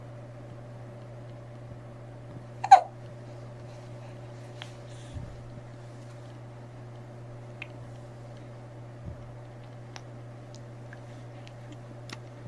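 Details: Newborn hiccups: a single sharp, abrupt hiccup with a few faint softer catches over a steady room hum.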